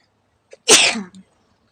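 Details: Deliberately induced sneeze during a sneezing challenge, provoked with a stick in the nose, about the tenth to twelfth of a planned 30: soft intake then one sharp, hissing sneeze burst with brief trailing sound.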